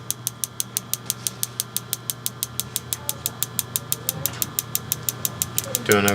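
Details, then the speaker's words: Shockwave therapy on a substantially swollen ankle, pressure matched to the other side: rapid regular sharp clicking pulses, about three a second, over a steady machine hum. "all right I'm going to start you off right at the pressure that you were at on the other side but just let me know if that ends up being too much"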